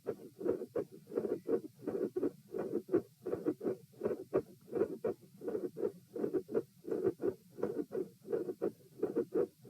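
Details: Auscultation stress test at chest position P, with the subject lying, sitting, standing, then lying again (72 bpm supine, 84 sitting, 108 standing): heart sounds with a mid-systolic click and a split second heart sound (S2).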